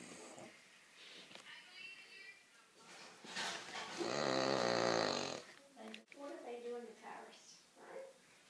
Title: Loudest snoring dog EVER!